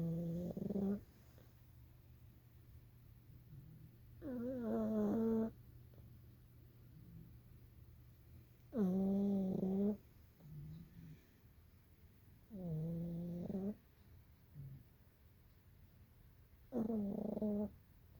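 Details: Sleeping pug snoring: loud, rough, voiced snores roughly every four seconds, about 15 a minute, with quiet breathing between.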